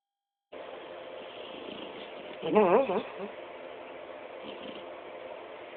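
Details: Terra, a black Labrador, asleep: a brief wavering whimper under a second long over steady room hiss, ordinary dreaming noise during sleep.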